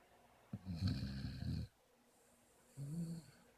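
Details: Sleeping puppy snoring: two low, rattling, snorting snores on successive breaths with a brief quiet gap, like a buzzing bee stuck in the nose.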